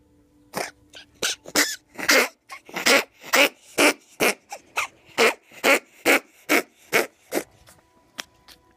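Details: Ferret with heart disease and congestive heart failure, recorded February 2016: rapid run of short, dry, hacking coughs.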